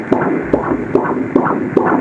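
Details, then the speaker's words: Fetal heartbeat at about 7 months of pregnancy (3 days short), heard on ultrasound Doppler with the probe on the lower abdomen: rapid, regular whooshing beats at a normal rate of 135/min. Fetus about 1119 g, position good. "এটা হচ্ছে বাচ্চার যে heartbeat আছে না ওই হার্টবিটের শব্দ ঠিক আছে হৃদয় স্পন্দন বলি না আমরা ওই হার্টবিট এটাও ভালো আছে 135 ঠিক আছে"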